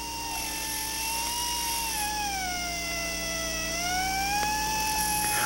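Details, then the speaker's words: Low-speed dental handpiece with heatless stone trimming a stainless steel crown margin for a mandibular left second primary molar with gross caries, under rubber dam: steady high whine dipping and rising along the crown edge. "Rotate the stone in the low-speed handpiece and pass it back and forth over the edge of the crown until the margin is within 1 millimeter of the line."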